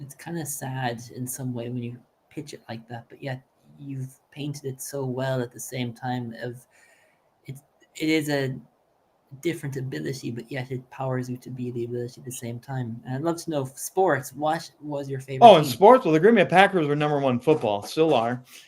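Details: Adult male speaker, with a second voice answering near the end; typical speech.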